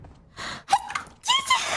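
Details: A short, light, high-pitched squeaky sneeze after a sharp indrawn breath, with a voiced follow-on sound; a genuine, unfaked sneeze, during a live stream.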